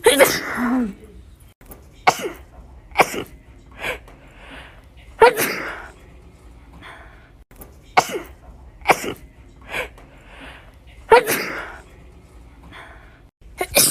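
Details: A person says it really hurts and they hate sneezing right now; a run of about ten sharp, explosive sneezes, some with a short in-breath before them, in a quiet room.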